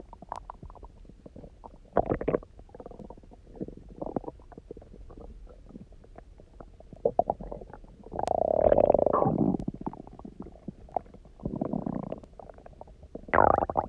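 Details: Loud, low gurgling and rumbling with long resonant swells from the belly, after eating almost nothing for 24 hours, then drinking lots of water and lying on the side; hunger stomach growling (borborygmi).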